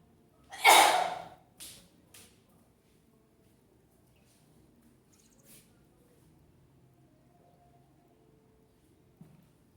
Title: Cute Sneezes Africa.